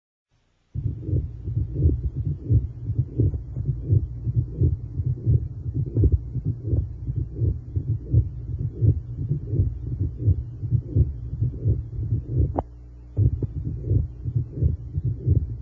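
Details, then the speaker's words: Heart about 86 a minute, along the lower left sternal border: a scratchy, grating three-component (midsystolic, mid-diastolic, late diastolic) pericardial friction rub from pericardial inflammation. "a paracardial friction rub occurs when when there is inflammation of the paracardial membrane the rub usually has three components midsystolic mid diastolic and late diastolic the rub is best heard along the lower left sternal border"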